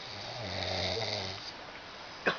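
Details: Person on a school trip in Tampacán, San Luis Potosí, snoring and keeping others awake: one long, low, rattling inhaled snore with a steady buzzing tone, then quiet.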